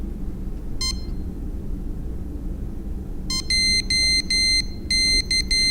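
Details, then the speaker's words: Home TPN infusion pump powering up after battery insertion: a single short electronic beep, then a quick series of high-pitched beeps signalling power-up succeeded, before attaching the cassette. "once the battery has been placed into the pump it will go through an automatic review displaying the pre-programmed pump infusion settings do not attach cassette until screen reads power up successful and you hear a series of beeps"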